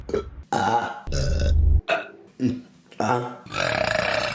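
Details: Female burping compilation: a run of loud, deep belches separated by short pauses, with low rumbling throat sounds.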